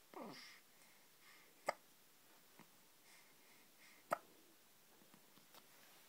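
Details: Hiccups: two sharp, brief hiccup-like jerks about two and a half seconds apart, with faint sniffs, in a quiet room.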